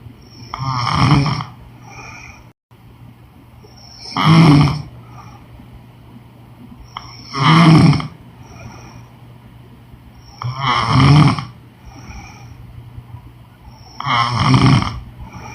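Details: Woman snoring in sleep: regular loud, rattling snores, about 18 a minute, each with a rough low vibration on the breath.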